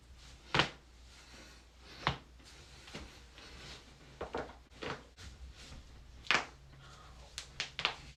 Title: joint cracking